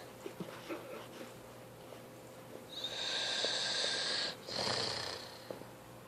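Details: Young brother: a long, high-pitched whistling snore on a breath, a short pause, then another, over faint room noise; snoring.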